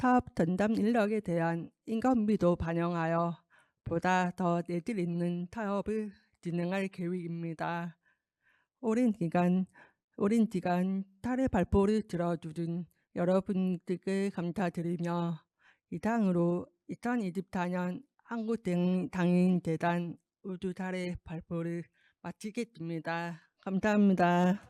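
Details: Deaf adult woman with a left-ear cochlear implant received two years ago, followed by speech-language therapy; she warns her pronunciation may be unclear; Deaf speech (cochlear implant user).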